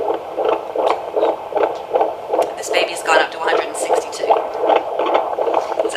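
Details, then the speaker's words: Fetal heartbeat, possibly at 12 or 14 weeks' gestation, heard while counting the rate over 6-second intervals (e.g., 16 counts = 160 a minute): normal fetal heartbeat. "you're listening to a 12 week or 14 week gestation it's very difficult to count if we're very long say you want to count it for about 6 seconds and then recount it for another 6 seconds"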